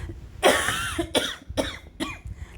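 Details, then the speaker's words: Cough from a sick adult with a COVID cough, despite a breathing treatment beforehand: four harsh coughs, the first strongest, fading in force. "apologize for the coughing i'm actually sick um i took a breathing treatment thinking it would help before this but evidently not"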